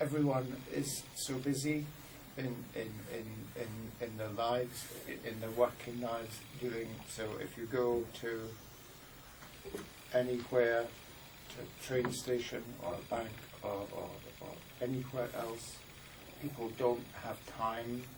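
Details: Aphasia, predominantly high-level, in an adult man with word-finding difficulty and reading comprehension problems, who says it is getting better and affects his ability to work.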